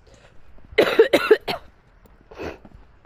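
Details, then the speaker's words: An adult woman who apologises for having trouble speaking gives three or four harsh, rapid coughs in a quick cluster, then a softer exhaled cough after a pause: a brief coughing fit. "Mais voilà, donc je voulais expliquer pourquoi dans les 3 prochains mois, excusez-moi, hein, j'ai du mal à parler."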